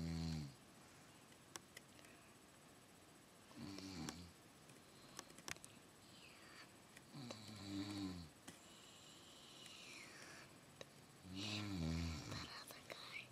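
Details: Adult woman snoring in her sleep at night: low, rattling snores on each breath in, about 15 a minute, with quiet pauses between them; typical sleep snoring in a quiet room.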